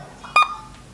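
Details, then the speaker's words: ECG monitor in a defibrillator skills-lab demonstration: single short electronic beep per heartbeat, normal sinus rhythm at rate 80. "adalah gambaran sinus rhythm mate 80 ke dalam kondisi normal"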